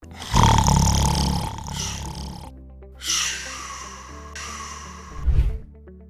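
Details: Loud, rough, rattling snores with music behind, presented by an ENT consultant as obstructive sleep apnea in adult snoring; heavy snoring.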